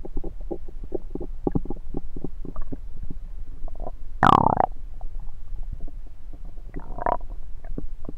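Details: Rumbling stomach recorded over the belly with a USB stethoscope: soft gurgles and a louder rumbling gurgle; active bowel sounds.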